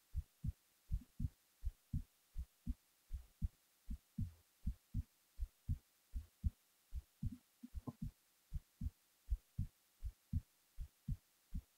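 Steady low double thumps at about 80 beats a minute over faint hiss: a regular heartbeat at rest.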